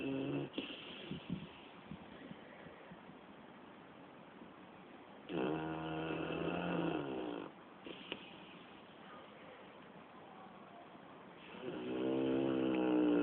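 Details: Sleeping dog snoring, recorded June 2010: loud, rattling snores with long buzzing breaths separated by quieter pauses.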